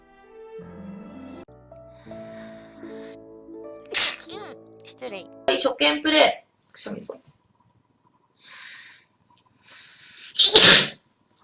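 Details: Japanese girls sneezing: short bursts of sneezing and snorting between brief vocal sounds, with background music.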